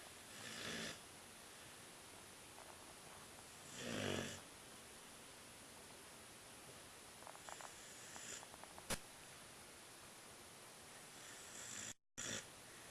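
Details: Sleeping animal snoring: soft, rasping breath noises recur irregularly, about 18 a minute, over quiet room noise.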